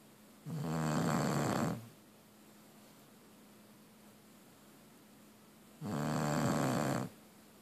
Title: Chopper the bulldog snoring